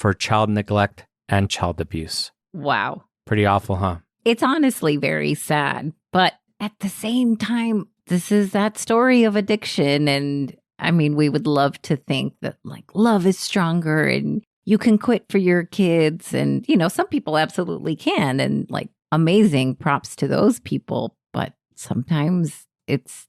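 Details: Adult woman speaking; normal voice.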